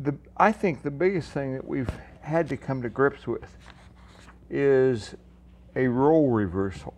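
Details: Man with ataxia; speech varies in clarity, sentence starts very clear and later parts less clearly articulated, 's' sounds all differ: ataxic dysarthria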